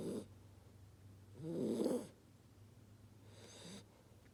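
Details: 2-month-old chocolate Labrador puppy snoring while asleep, with fireworks going off outside: two soft, low, rattling snores a couple of seconds apart; ordinary puppy snoring.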